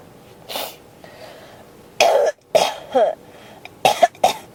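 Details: Persistent cough that won't stop, tagged with pneumonia: a softer cough, then about five harsh, throaty cough bursts in quick succession.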